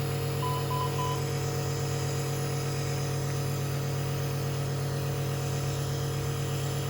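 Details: Steady low mechanical hum with faint rhythmic pulsing and brief early beeps: a nebulizer compressor running for a baby with Down syndrome in the NICU with wheezing and respiratory distress, also on oxygen support.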